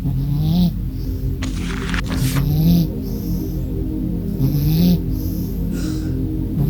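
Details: Snowbones, a blue-eyed cat, sleeping in a box in a living room, snoring: soft, low, rising snores repeating about 28 times a minute over steady background music and a brief rustle.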